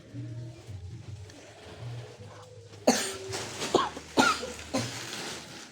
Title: masih batuk ngukluk🥹 #r2official